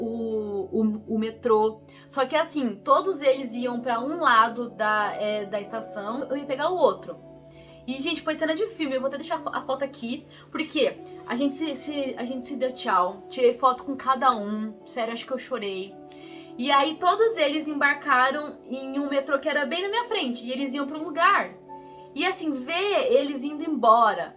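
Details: Adult woman who stutters, speaking Portuguese; stuttering.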